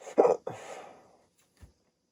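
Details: An abrupt voiced gulp, then a breathy exhale and a faint jerk; a hiccup in a rare 16-minute bout after waking from sleep with a CPAP mask for sleep apnea.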